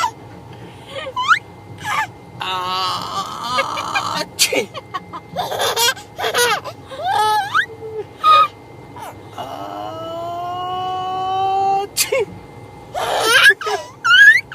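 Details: Baby reacting with delight when his father sneezes: excited gasps, squeals and whimpery sounds alongside adult voices and faint music; playful gasping, not breathing distress.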